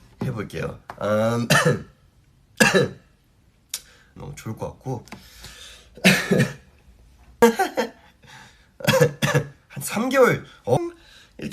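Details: Adult (Stray Kids member) coughing: several short, sharp coughs and throat clearing mixed with brief voiced sounds and speech, amid music.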